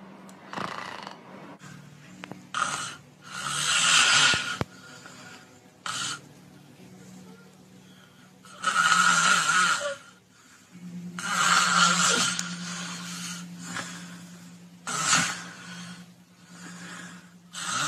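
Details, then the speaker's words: Demonstration of obstructive snoring with palate and tongue raised, patient progressing to sleep apnea: loud, harsh, irregular snores with snorting bursts and short quiet gaps; obstructive snoring. "العيان كده شخير وداخل في انقطاع التنفس."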